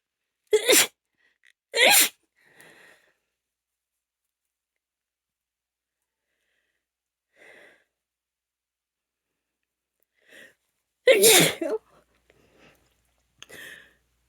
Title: Desperate powerful allergy sneezes (f) #female #allergies #sneeze